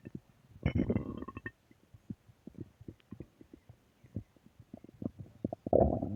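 Gurgling, bubbling rumbles and rapid popping sounds from the belly; ordinary stomach growling.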